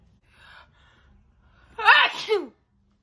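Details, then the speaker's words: Woman deliberately trying to hold back sneezes on request: faint breathy intakes, then one short, muffled, voiced sneeze burst, partly stifled. "oh i'm trying to hold back like i promise you i'm trying okay they're coming out weird because like i'm trying to hold back so they come out where when i do"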